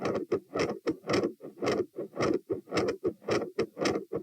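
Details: Heart sounds recorded at position T while standing, rate 108-120 bpm: a fast, loud heartbeat with a murmur around the second sound that gradually changes, and an intermittent machinery-like murmur.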